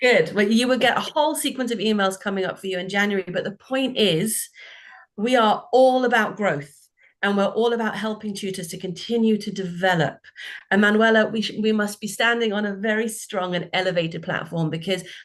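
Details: Adult woman speaking; normal voice.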